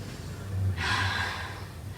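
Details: Adult male patient's breath sounds heard over the chest with the stethoscope diaphragm during a physical examination, as he takes a deep breath in and breathes out through the mouth: a single deep, soft airflow breath.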